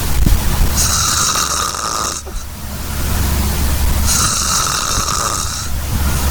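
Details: Two loud, rasping, drawn-out snores over a steady low rumble, a harsh snoring noise on each inward breath.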